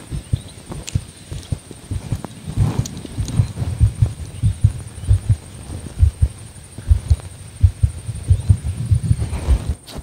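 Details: Normal heart sounds of a female border collie born November 2014, recorded for ASMR: regular soft low thumps with rustling and a faint high whine as the dog is restless.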